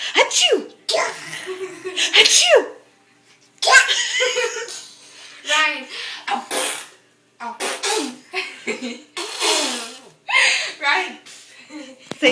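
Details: Copied sneezing, imitating sneezes: a run of short, sharp, hissing sneeze-like bursts with squeaky calls mixed in.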